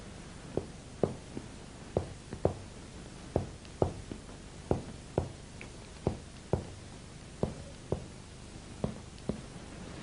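A steady series of finger taps on the back, some fuller and others flatter, as the examiner percusses down the chest to map diaphragmatic excursion.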